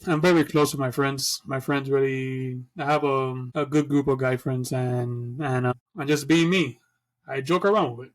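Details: Adult who stutters, speaking conversationally as co-host of a podcast about living with stuttering; stuttering.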